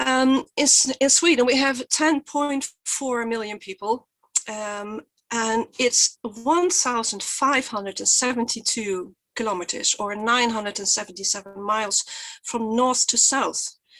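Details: Real stuttering in an adult woman who says her stutter is quite obvious today; stuttering.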